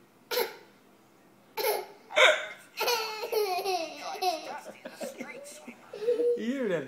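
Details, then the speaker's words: Hiccups in an adult father, filmed with his young child: several sharp, abrupt gulping hiccup sounds, then the child's laughter and babble. "Daddy's got the hiccups. Teddy's got the hiccup."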